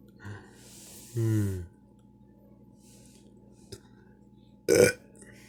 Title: Burping out of Triumph for Surviving from COVID-19 and hope for a GLORIOUS Christmas